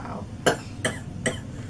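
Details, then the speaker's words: Three harsh, forceful coughs about a second apart from a girl, over background noise. Told these are good coughs. "It's okay. >> It's actually good. That means you're having good coughs."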